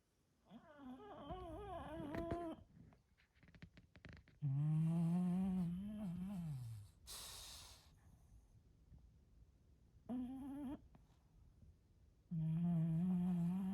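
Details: Sleeping bulldog snoring: loud, rough, whistling snores repeating with each breath, separated by quieter snorting.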